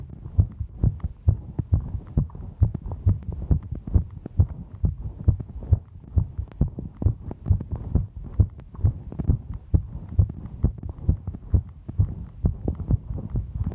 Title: Female Hiking Heartbeat